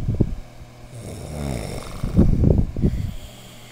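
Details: Male visitor snoring while asleep after a tiring visit: a loud, deep, rumbling snore with a rattling, snorting quality on inhalation.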